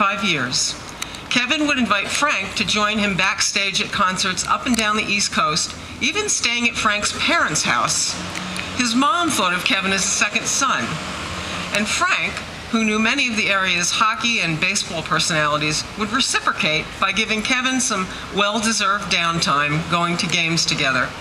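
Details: Adult woman speaking; normal speech.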